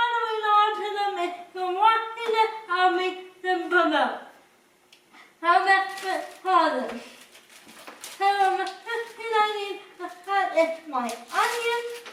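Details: Person with cerebral palsy who cooks with limited help; dysarthria (cerebral palsy).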